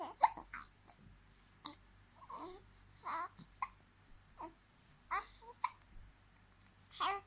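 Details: Soft, brief, jerky catches about every second from an infant of about 2 months who gets frequent daily hiccups; hiccups.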